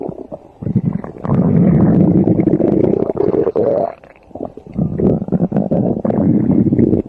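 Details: Loud stomach growling (borborygmi): long, low rumbling gurgles with bubbling crackle, rising in pitch, then fading and returning.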